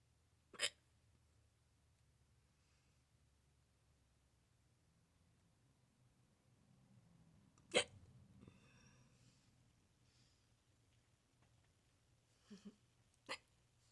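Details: Adult filming own neck: four sharp, abrupt hiccup sounds, irregularly spaced over about 14 seconds in a quiet room; loud repeated hiccups.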